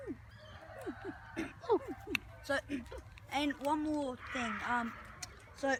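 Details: Caw-like vocal tic in a person with Tourette syndrome, during an interview: vocal tic (Tourette syndrome).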